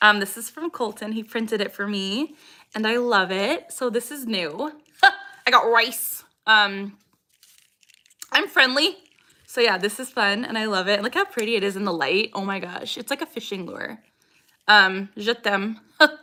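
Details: Vocal tics from Tourette syndrome in a 26-year-old woman, diagnosed at 12 with tics since about age 3. Repeated phrase tics are heard, and she says her tics are very active today.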